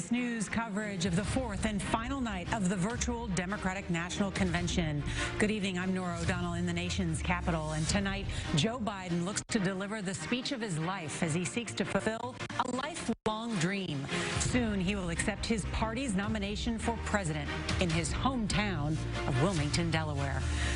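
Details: Adult woman; normal speech.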